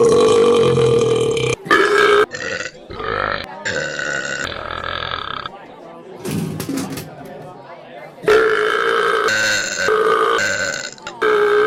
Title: Beer Vending Machine That Takes Burps For Payment